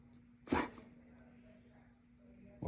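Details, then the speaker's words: Dog gives one short, sharp cough, with a second burst starting as the recording ends; owner wonders if it is a nervous twitch; cough. "You coughing? You coughing?"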